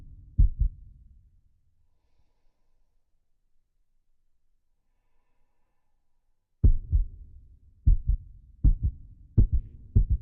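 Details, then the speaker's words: Heart sounds with about six seconds of silence, then beats resuming at roughly 80 a minute; sinus pause in an adult cardiac patient with tachy-brady syndrome. "I had no idea I had tacky brady syndrome until I had a follow-up visit with my doctor."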